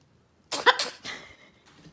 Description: Our blue and gold macaw Charley fake coughing wanting to wrestle and play rough .